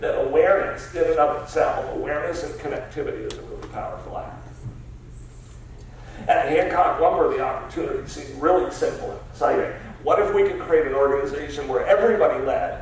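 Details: Adult man diagnosed about seven years earlier with spasmodic dysphonia, a rare neurological speech-only disorder of unknown cause, treated with periodic Botox injections, speaking in a real keynote talk; spasmodic dysphonia.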